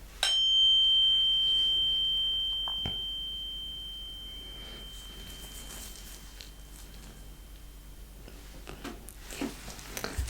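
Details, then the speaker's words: Struck tuning fork held beside the ear in a simulated cranial nerve exam roleplay; pure ringing tone slowly fading, with faint room and handling noise. "So, it just means we're testing it right in front of your forehead, okay? And I'm going to strike it. And just tell me if it sounds equal in both your ears."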